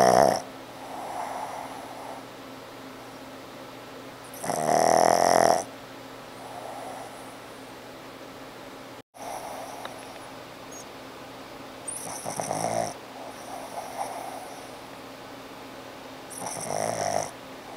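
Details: Snoring with a squishy face: loud rough snores alternating with softer breaths, about four snoring breaths in 18 seconds, over a faint steady hum.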